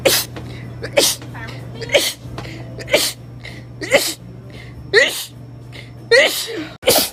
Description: Short compilation of rapid sneezes